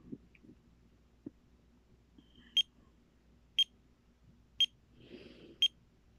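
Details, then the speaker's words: Pulse oximeter checked at night by an adult with sudden stabbing head pain during medication withdrawal: quiet room with faint clicks, then four high short beeps about a second apart, a low-oxygen alarm; saturation read 90%, then 94%. "so oxygen was was just 90. it's 94 right now it should be 95 to 100."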